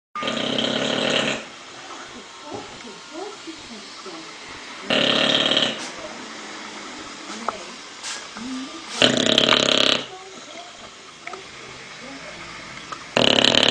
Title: Snoring dog